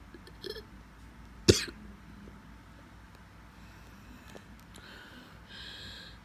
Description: Work half day today..my hod ask me to take half day leave as I was keep coughing in the office… 5th day being like that…